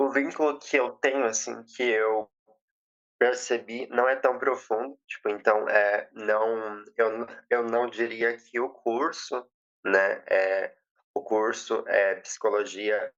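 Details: 20-year-old woman who has stuttered since age 7; past speech therapy; says emotions and nervousness intensify it; real speech showing stuttering.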